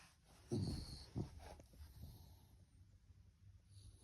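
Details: Puppy asleep in a crib in the morning: soft snorting breaths, two louder rough snores, then quiet breathing, which is light snoring.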